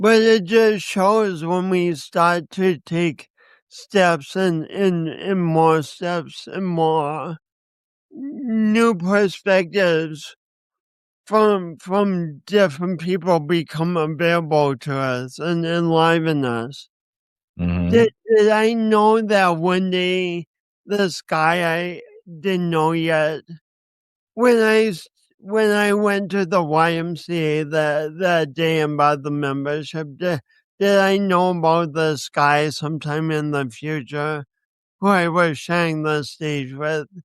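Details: 50-year-old man with a lifelong speech impediment and coordination issues he links to a birth injury and describes as a disability; dysarthria.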